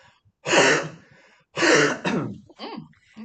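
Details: Elderly patient born 1931, coached by a respiratory therapist with a mask on, takes a deep breath and gives two forceful open-throated huffs, an airway-clearance huff cough that keeps the airway open.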